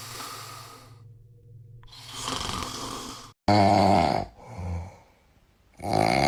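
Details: Sleeping female cat: loud, rattling snores with each breath, several cycles of raspy inhalation and exhalation; ordinary cat snoring.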